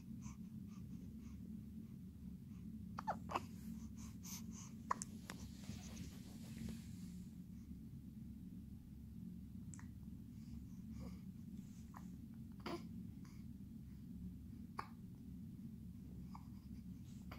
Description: This video features a one month old infant boy suffering from a brief hiccup episode.